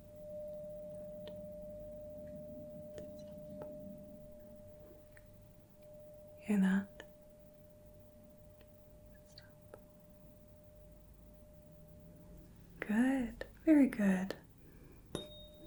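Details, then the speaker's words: Tuning fork placed on the mastoid process behind the ear, then in front, for a Rinne hearing test in simulated ASMR role-play: a steady, pure mid-pitched tone ringing about twelve seconds, with brief soft whispered speech. "now for the Renee test I am going to strike the tuning fork and put it on the mastoid process behind the ear and if you could just tell me when you stop hearing that"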